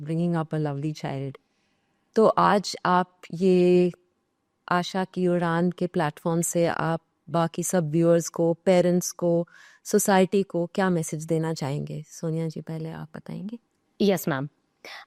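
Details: Adult woman speaking; normal speech.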